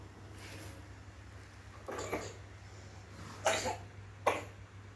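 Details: Night-time cough at 1 a.m. keeping someone from sleeping: several short, dry coughs at irregular intervals over a steady low room hum, no wheeze.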